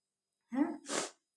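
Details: Single sneeze in a quiet room from a woman doing a sneezing challenge, one of several sneezes; voiced indrawn build-up then a sharp, hissing expulsion of air.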